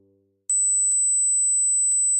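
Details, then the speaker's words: Steady high-pitched 8,000 Hz pure tone from an age-related hearing test played through headphones; hearing it suggests no hearing impairment at that frequency. "as we grow older we often lose the extreme ends of our hearing spectrum so how many of the following sounds can you hear how old are your ears"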